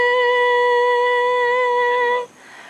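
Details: Woman singing with normal vocal folds, confirmed by videostroboscopy; normal singing voice.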